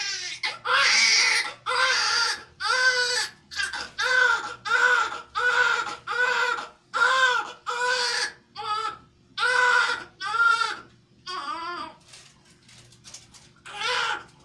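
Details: Strong, rhythmic newborn cries in repeated bursts about once a second: a normal vigorous cry just after a fast, easy normal delivery.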